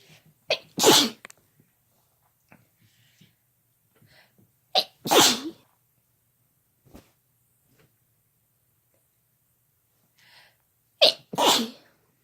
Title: Sneezing together (M+F)